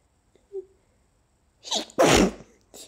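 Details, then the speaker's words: Deliberately stifled allergy sneeze: a quick catching inhale, then a forceful, partly held-back sneeze burst with a short tail; itching and tickle persist and sneezes are usually let out fully. "So, I have a request to Stifle. This isn't something I normally do. My sneezes are generally too big."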